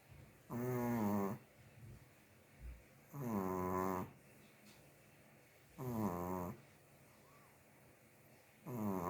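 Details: Female Chihuahua mini dog snoring in sleep: regular whistling, buzzing snores, about 22 a minute, each followed by a quiet pause; snoring.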